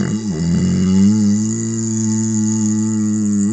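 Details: One long, deep, drawn-out burp with a steady rumbling tone, made with the mouth closed.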